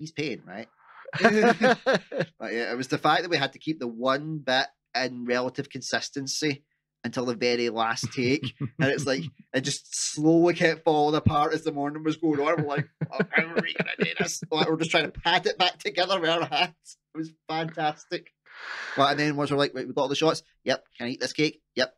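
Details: Adult man speaking; typical speech.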